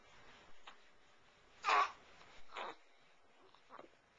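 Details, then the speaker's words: Baby held in a burping technique gives a short, throaty burp, then a second smaller one moments later. "Oh, there was a burp. There's the burp. There's the burp. Okay. Oh, there's second another one."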